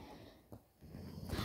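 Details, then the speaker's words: Pet dog snoring in the background during a video game recording. "if you can hear that noise in the background that's um brody my dog snoring"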